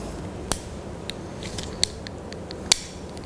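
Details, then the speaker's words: A few sharp, light clicks as an insulin pen dose dial is turned one to two units to prime the pen before injection, in a nursing demonstration of blood glucose testing and insulin injection. "jadi untuk memastikan bahwa nanti e insulin itu bisa keluar jadi ini bisa diputar di sini kita putar satu sampai"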